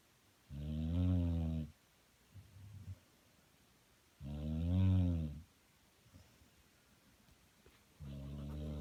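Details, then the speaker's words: Snoring in a pet pit bull while a man tries to sleep nearby: loud, low rattling snores at regular intervals with quiet pauses between breaths, about 16 a minute. "You're snoring. You're snoring. I said you're snoring. Stop snoring."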